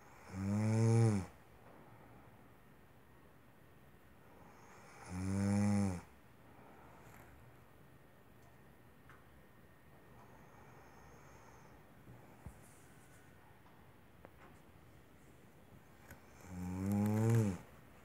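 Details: Woman snoring during sleep: three loud, rumbling snores on breathing in, with quiet pauses of several seconds between them.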